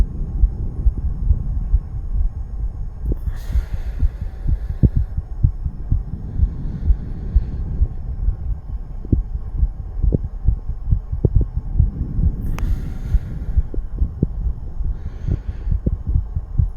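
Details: Tachycardia in a 34-year-old male after nicotine and cannabis use: rapid, muffled low heartbeat thumps against a steady low hum, with occasional breath noise.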